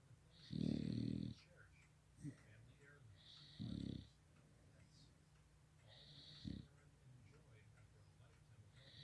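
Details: A sleeping pet snoring: rhythmic low rumbling snores, each followed by a hissing exhale, about 20 breaths a minute in a quiet room.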